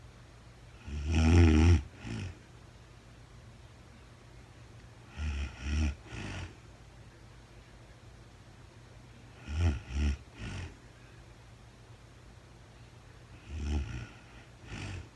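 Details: A woman sleeping in real time, with no talking, snores in clusters of two or three snorting sounds about every four seconds over a faint room hum.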